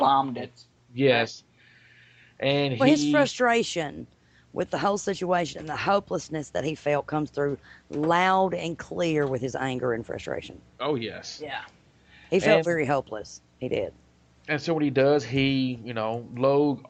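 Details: Adult speaker in conversation; typical fluent speech.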